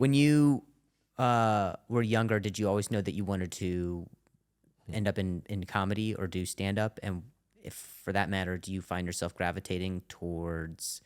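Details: Adult male comedian with stuttering, which he calls a stuttering disorder, who attends speech therapy, speaking in conversation.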